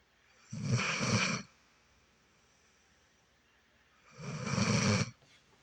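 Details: Two loud, rattling breaths about three and a half seconds apart, each with a deep low vibration and separated by quiet pauses, during sleep: snoring.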